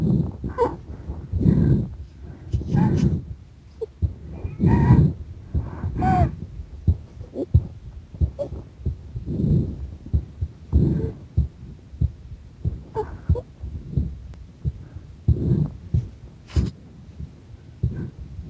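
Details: Low, muffled heart thumps recorded during a breath-hold with pressure, mixed with rubbing and handling noise: heart sounds during breath-hold.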